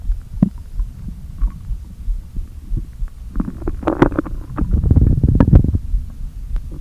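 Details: Stomach noises after not eating all day, with the stomach deliberately inflated a little: low hollow empty-sounding groans, gurgles and bubbling swells of air moving back and forth over a rumbling background; borborygmi.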